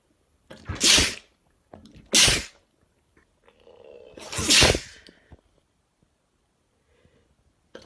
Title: Wet Sneezing Video (M)